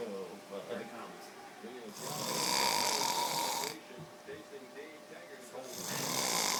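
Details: Loud, harsh rasping snores recurring every few seconds with quieter breathing between them; ordinary snoring.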